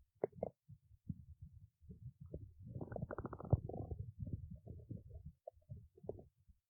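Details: Stomach growling: prolonged low gurgling and rumbling that swells into a long growl from gut movement; ordinary borborygmi.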